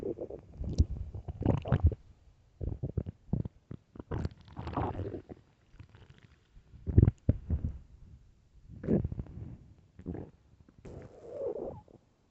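Loud, low gurgling and rumbling bowel sounds in irregular bursts; stomach growling (borborygmi) on an empty stomach.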